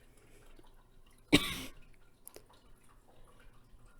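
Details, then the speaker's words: A single abrupt cough from an adult who says they are recovering from COVID, with a brief rough tail in a quiet room. "I'm sorry about all them I'm coughing um like I said I have covered"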